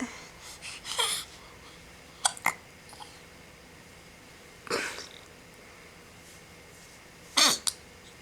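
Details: Infant boy with hiccups, wearing a bucket hat: four or five brief, sharp, spaced gasping catches over about eight seconds.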